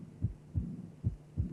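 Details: Teaching recording of cardiac auscultation, aortic regurgitation: high-pitched soft early diastolic murmur beginning immediately with, and inseparable from, the second heart sound.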